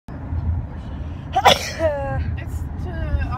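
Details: Sneeze from someone whose allergies have worsened in spring, with everything blooming and mold after rainy days: a single sudden, forceful sneeze, then brief vocal sounds, over steady traffic noise.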